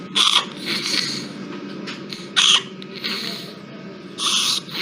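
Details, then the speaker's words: Inspiratory stridor in a crying infant, a difficult airway case from a neonatology tracheostomy talk: harsh high-pitched squeaking bursts on breathing in over steady room noise. "porque con la dificultad que tiene, lo vuelvo a poner así le escuchan el estridor."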